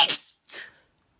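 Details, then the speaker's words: One sharp, explosive sneeze followed by a brief breathy release, at the end of an intense sneezing bout that left the sneezer with a painful locked jaw. "that was louder so i think i finished i really hate it when i get a locked jaw oh that gives a lot of pain"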